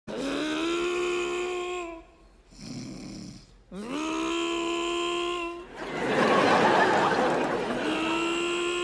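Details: Simulated, comedic snoring performed in a stage sketch ("Princesses Don't Snore, part 4"): exaggerated, tonal, whistling snores over music and audience noise.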